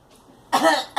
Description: Girl coughing